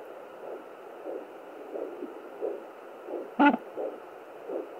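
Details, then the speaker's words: Pregnant woman with pocket fetal Doppler near the baby, who is very active: slow regular whooshing pulses about 80 a minute with one loud scrape, her own heart rate or arterial pulse, too slow for fetal heartbeat. "Again, this is my heart rate. But I know we're close. That's my heart rate again. Or it could be the pulse from the artery."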